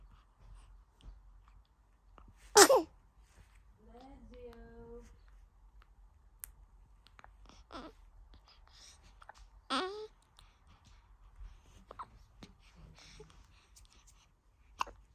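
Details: A sharp newborn baby boy's sneeze, brief fussing coos, then a second smaller sneeze-like burst in a quiet room; sneezing.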